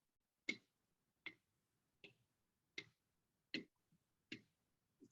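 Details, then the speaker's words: Simulated mechanical prosthetic heart valve clicks played in a cardiology auscultation lecture: sharp, crisp metallic clicks, about 78 a minute, in a quiet room, illustrating a patient's audible first mechanical valve. "around he says is that noise coming from you she says oh yes that's my new heart valve he says doesn't that bother you she says no it would bother me if i stopped hearing it"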